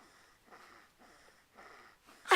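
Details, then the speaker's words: Snoring from a sleeper who naps through Christmas-morning present opening, heard in a home. "supposed to be opening up her presents but she's busy snoring she is sleeping"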